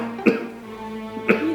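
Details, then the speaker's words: Cough from a young man in a Bengali drama, staged not real; he says he caught a slight cold and is drinking hot water; his mother worries it is worsening. "রে বাজান, তোর কাশিটা মনে বাড়ছে? না, একটু ঠান্ডা লাগছে, গরম পানি খেতেছি, সেরে যাবো মা, টেনশন করো না"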